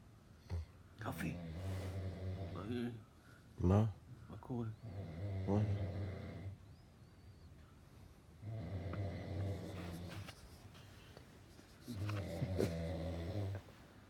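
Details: Snoring: loud, deep, buzzing snores on each breath, about four to five over fourteen seconds, with quiet pauses between.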